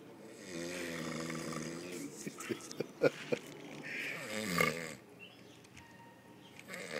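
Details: Snoring after a long day: a single drawn-out, buzzing, fluttering snore during breathing in, followed by clicks, soft rustles and quieter breathing with faint room noise.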